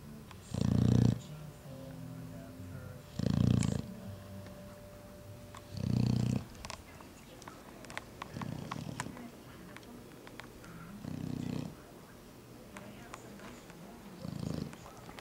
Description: Our Mastiff, "Paxton", snoring in his bed. He's 4 months old.